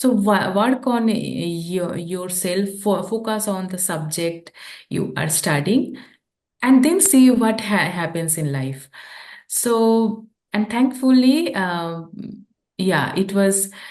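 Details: Adult woman who stammers; stuttering.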